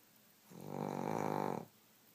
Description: Cheddar the Pug snores like a grown man with nasal issues!! DAMN!